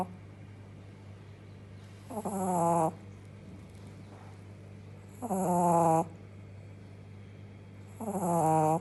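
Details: A Shih Tzu puppy snoring while asleep.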